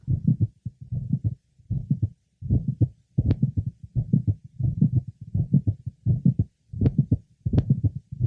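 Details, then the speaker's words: Woman with mitral valve prolapse and straight back, at the apex: regular rhythm near 80/min with several early to mid systolic clicks, no systolic murmur, clicks varying with respiration. "we're listening at the Apex and several early to mid systolic clicks are heard systolic clicks therefore can be multiple without a systolic murmur and generally are heard in mid to late syy less commonly they are noted in early Cy"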